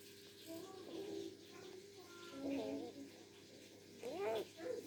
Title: Chicken wheezing help